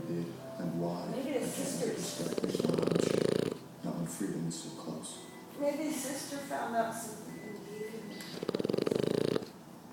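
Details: Two loud, rattling snores about six seconds apart from a sleeping French Bulldog, over film dialogue and music playing in the room; snoring.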